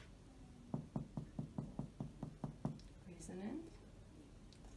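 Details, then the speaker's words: Resonant percussion note, about nine evenly spaced low hollow taps over the anterior chest from the supraclavicular fossae and clavicles, left to right, during a simulated student respiratory examination; normal finding over lung. "alright so for percussion I will start in the supraclavicular fossa are always completely left to right resonant resonant and for the clavicle I will focus directly resonant resonance"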